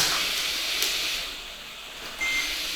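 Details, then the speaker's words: Trilogy 100 home ventilator used for children, demonstrated at a children's hospital, starting to blow after power-on: a steady airy hiss of airflow with a brief high tone near the end. "you turn the ventilator on by pressing power button it will automatically start to blow once it's come to its object"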